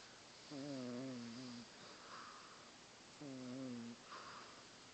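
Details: Sleeping cat snoring very loudly: two loud, drawn-out voiced snores, each followed by a soft breathy exhale.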